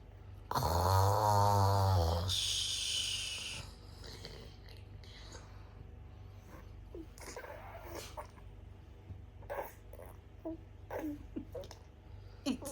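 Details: One loud, rough, vibrating snore of about two seconds, then quieter breathing with faint rustles: snoring.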